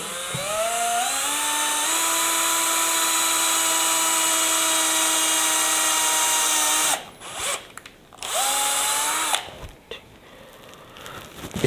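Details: Fracture surgery demonstrated on a model bone: steady high motor whine rising to speed, about seven seconds of drilling, then short bursts, a surgical drill boring bone through a plate before screw insertion.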